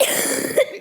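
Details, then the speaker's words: Female, mildly ill, coughing: a single short, harsh cough with some throat-clearing quality. "Сорян за... Это просто я немножко болею, как я и говорила."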